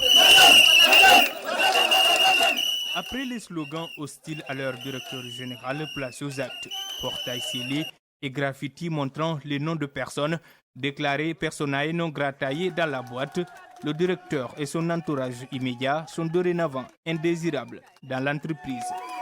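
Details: Adult male news reporter; Normal voice.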